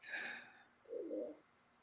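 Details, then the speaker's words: Adult's stomach growling during a live show, recurring: a brief high squeaky whine, then a low cooing, gurgling rumble in a quiet room. Ordinary borborygmi. "Wow, did you just hear my stomach? I did hear that. I didn't know if it was yours or mine, though. No, it was mine. There it goes again."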